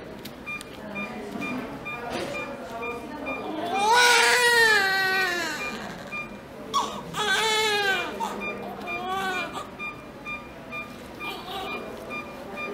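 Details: Loud, rhythmic crying in bursts from a newborn boy immediately after birth while a nurse measures, dresses and tags him, with staff talking quietly in the background; a normal vigorous cry.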